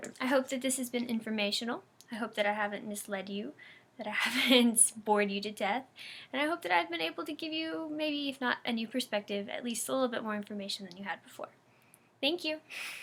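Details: Adult woman speaking; typical speech.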